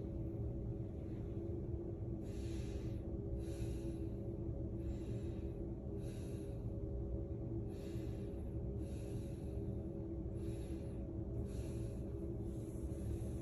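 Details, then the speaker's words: Posterior lung sounds auscultated by a nurse during a head-to-toe assessment of a patient born in 1991, taking slow deep breaths on request, about nine breaths over a low background hum; lungs clear to auscultation, normal breath sounds. "s are clear to auscultation everything is good there"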